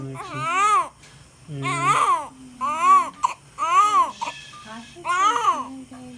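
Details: Newborn baby boy just after birth: repeated rising-and-falling wails in short bursts with faint room noise; a strong, normal newborn cry.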